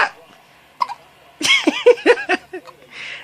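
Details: Short, abrupt, squeaky gulps in quick succession with faint breaths between them, from 2-week-old twin boys; newborn infant hiccups that the parent says came about every 10 minutes.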